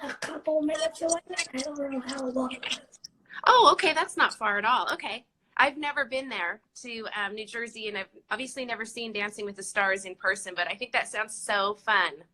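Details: Adult woman speaking; ordinary conversational speech.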